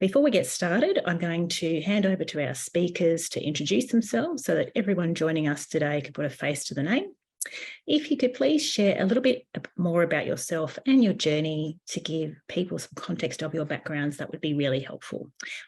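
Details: Adult woman speaking; Normal voice.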